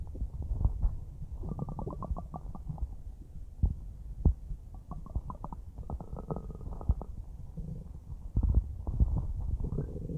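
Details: Stomach recorded about a minute after eating a huge bowl of spaghetti; low churning rumbles with rapid bubbling gurgle runs, then softer gurgles, normal bowel sounds after a large meal.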